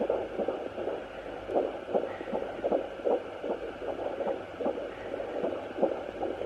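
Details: Fetal heartbeat at 15 weeks on a handheld home Doppler: fast, whooshing pulses at about 150 a minute.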